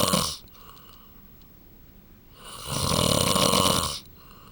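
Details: Adult man asleep, whose wife wants him to attend a sleep clinic: loud, rough snoring on the in-breath with a quiet pause between snores; heavy snoring.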